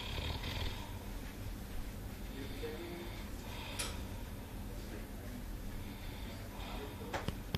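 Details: Repeated noisy snoring breaths against a steady background with a few sharp clicks; snoring.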